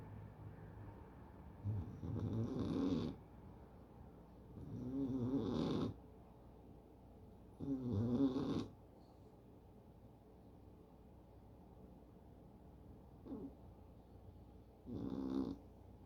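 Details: Sleeping cat: slow, irregular rumbling snores, about five breaths over sixteen seconds; snoring.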